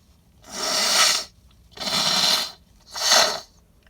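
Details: Three wet, hissing sneezes muffled into cupped hands, about a second apart, triggered in a car by sniffing pollen-laden flowers; suspected allergy or sensitivity to them; repeated sneezing.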